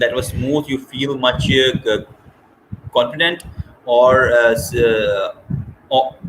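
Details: Stuttering in a woman from Scotland who describes having had a speech condition.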